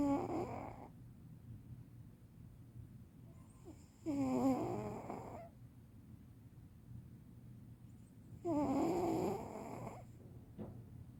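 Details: Senior cat sleeping and snoring: slow, rhythmic snores about four seconds apart over a steady low room hum.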